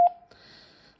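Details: Nippy home ventilator used by a person with spinal cord injury, switched on by holding the top button: a single short electronic power-on beep.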